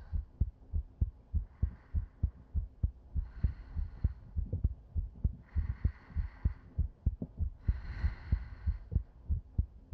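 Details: Sleep-aid ASMR heartbeat heard with the head on a woman's chest: steady, low lub-dub at about 98 beats a minute, with soft breaths rising and falling; a normal heartbeat.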